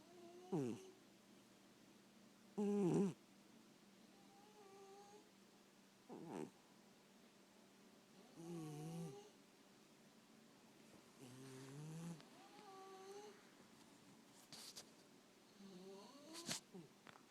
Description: snoring cat and dog